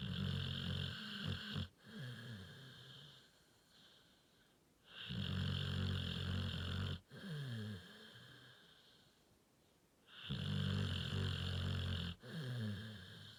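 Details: Sleeping bully XL dog: loud, deep rattling snores, about 14 breaths a minute, with quieter breathing between; snoring.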